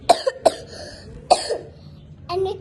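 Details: Three short, sharp coughs in quick succession, then a brief voiced sound: a child's cough during a cold.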